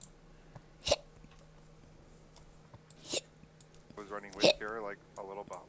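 Two abrupt hiccup-like catches a couple of seconds apart, followed by a little speech, with faint mouse clicks behind.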